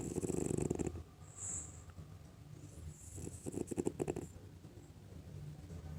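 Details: French Bulldog snoring heavily: two loud, rattling, fluttering snores with quieter breathing between them; snoring.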